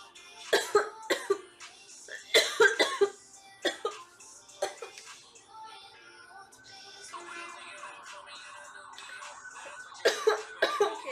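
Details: Girl coughing in repeated sharp bouts of coughs, with quieter stretches of soft background music between them; cough.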